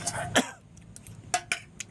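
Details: A man coughing after choking on bird's-eye chili while eating rice outdoors: a few short, sharp coughs with a gasp, with faint clinks of dishes behind.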